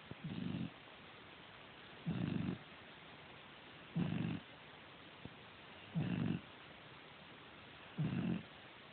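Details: Five low, regular rumbling snores about every two seconds, roughly 30 a minute; steady snoring from a sleeping person.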